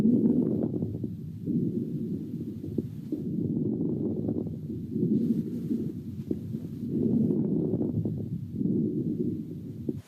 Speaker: Those were late inspiratory rales, and hopefully you were able to hear that crackling sound as the lungs popped open at the end of inspiration.